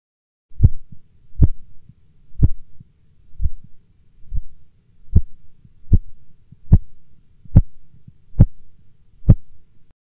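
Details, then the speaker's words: Korotkoff sounds about 70 a minute during manual sphygmomanometer cuff deflation, systolic heard at 162 mmHg, then absent for 4 mmHg before returning: auscultatory gap. "In the following example, the systolic blood pressure will be heard at 162 millimeters of mercury, followed by an absence of sounds for 4 millimeters of mercury, after which they will reappear."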